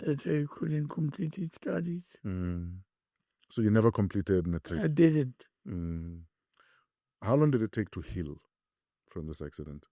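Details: Two adult male speakers in an interview; conversational speech.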